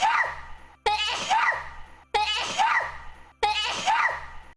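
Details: A high, squeaky sneeze from a VTuber stream, repeated four times in a row over a steady low hum; ordinary sneezing.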